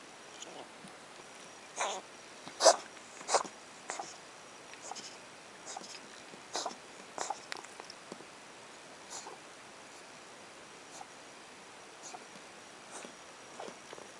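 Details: Cat coughing: in a quiet room, scattered short, dry hacking bursts forming a bout of coughing.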